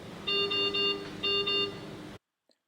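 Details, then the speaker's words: Two bursts of high repeating electronic alarm tones, then silence, from an anaesthesia workstation's breathing-circuit disconnection alarm, triggered by disconnecting the test lung during the pre-use machine check. "now disconnect the test lamp check whether this connection alarm is working"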